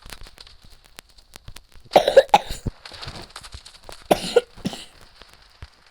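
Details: Cough during a game stream: two short bursts of coughing with throat clearing, amid clicking and faint game sounds.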